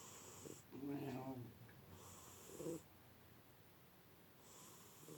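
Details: 16-year-old tabby cat napping and snoring like a human: soft, low snoring sounds over background hiss; ordinary sleep snoring.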